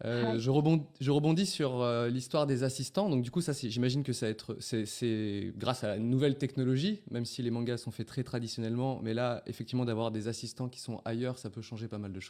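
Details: Adult male speaker; Normal voice.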